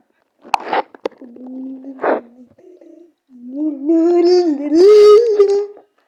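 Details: Gurgling bubbles, then drawn-out squeaky, rising and falling rumbles from the belly in a quiet room: ordinary stomach growling (borborygmi).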